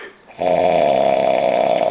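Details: Very drunk adult male asleep on New Year's, not waking despite loud talking nearby: a loud, sustained, buzzing, vibrating snore with a strong rattling tone, close to the microphone. Snoring.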